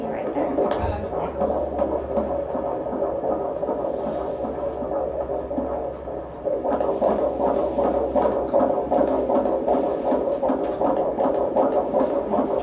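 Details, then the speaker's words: Fetal heartbeat on Doppler, secretly recorded on a phone voice memo at a prenatal appointment: muffled, rapid whooshing at about 150s beats per minute, within the stated normal 110–160 range, described as strong. "strong heartbeat. So baby's heartbeat today is right in the 150s. Okay. So normal is 110 to 160. Okay, so right. Isn't it so cute and perfect? I mean, that heartbeat is strong and awesome."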